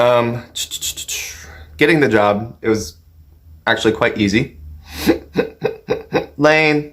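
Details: Adult man with Tourette syndrome, tics since about age 14 that later got worse, producing vocal tics including repeated words and a sudden outburst. Finding: vocal tics.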